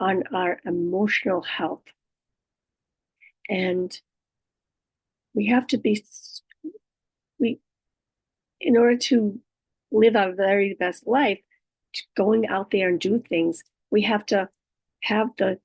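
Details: Adult woman living with aphasia, apraxia of speech and dysarthria after a stroke, with right-sided hemiparesis. Finding: aphasia with apraxia of speech and dysarthria.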